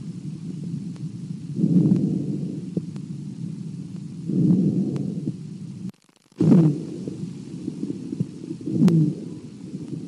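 Low, coarse rumbling breath sounds through a stethoscope, abnormal lung sounds of an unspecified type.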